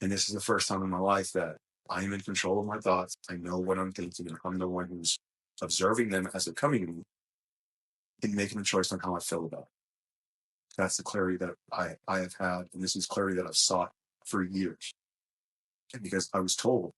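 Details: Adult male who describes his own small speech impediment, a stutter, which he links to his mind always moving fast since childhood. Stuttering.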